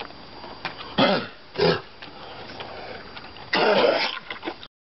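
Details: Two vizslas with kennel cough give three harsh, honking, hacking cough bursts: kennel cough.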